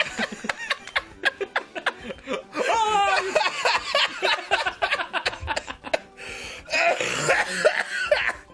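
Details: Adult man (Arin) coughing in bursts, mixed with laughter and talk in a small room; cough compilation.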